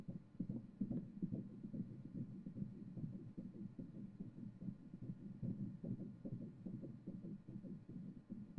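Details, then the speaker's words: Fetal heartbeat on prenatal ultrasound Doppler: rapid, regular whooshing at about 146 beats a minute, described as a very fine rhythm. "And you can hear it's a very fine rhythm, yeah."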